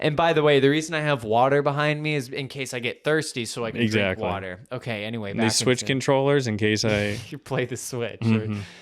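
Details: Adult man speaking; normal speech.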